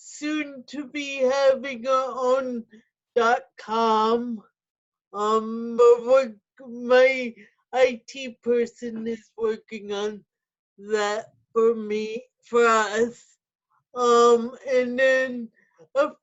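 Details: Speech of an adult woman with spastic quadriplegic cerebral palsy who uses a wheelchair; no specific speech disorder named.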